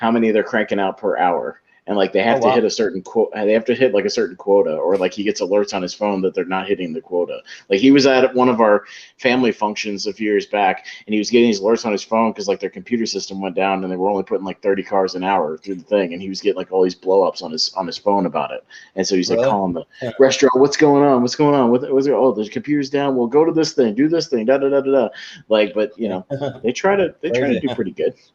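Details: Adult man speaking; typical speech.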